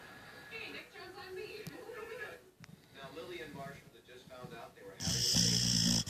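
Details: Soft snuffling, rattly breathing from a sleeping Pit Bull dog, then a loud burst of noise at the end; dog snoring.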